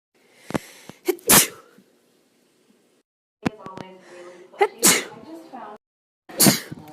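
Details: Several sharp, explosive sneezes with brief breathy intakes and some voice between them; sneezes.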